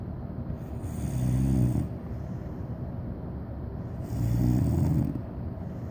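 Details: Cane Corso puppy snoring while asleep: two slow, low, rumbling snores about three seconds apart, about 20 breaths per minute, over a steady background hum.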